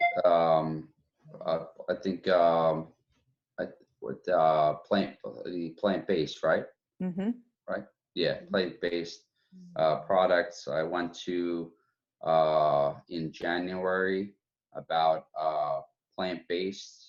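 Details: Adult woman with aphasia, speech in broken fragments with long pauses; aphasia.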